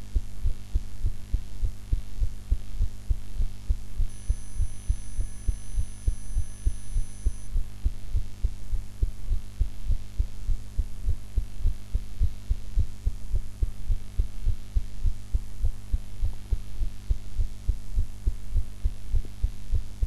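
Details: Steady, regular low heart thumps under a constant low hum, recorded after eating in a different posture from usual, unedited version: normal adult heart sounds.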